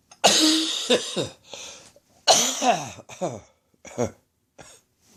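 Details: Adult with a lingering chest infection, non-smoker, morning cough: several harsh, wet-sounding coughs in bursts; chesty cough.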